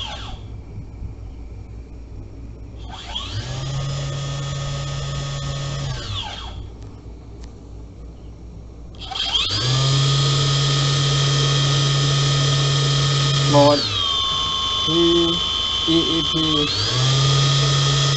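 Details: Homemade 3D-printed simple ventilator SV-79 (brushless motor N2830, ESC 20A, Li-Po 3S 12.6 V) running CPAP-E levels 1–3; steady motor whine rising and falling in repeating cycles, pitch changing between settings.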